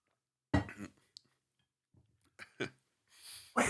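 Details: A few harsh cough bursts with quiet breaths between, from an adult man whose voice was strained by screaming while recording vocals earlier that day.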